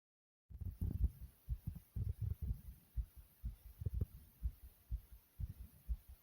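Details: Rapid, deep, muffled lub-dub thumps with a soft low rumble between them, a person's own fast heartbeat.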